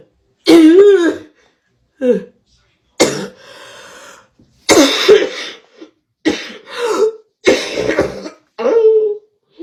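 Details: Woman coughing uncontrollably after dabbing, on a livestream: repeated harsh coughs and throat clearing in quick succession with voiced gasps between bursts; coughing fit after inhaling vapour.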